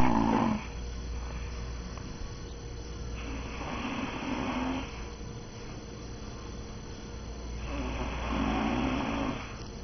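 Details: An adult man snoring while asleep: rough, buzzing snores on each breath in, about three in ten seconds, over a steady low room hum.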